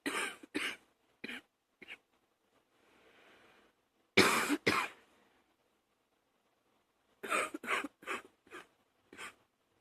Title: # 48 one of those morning coughs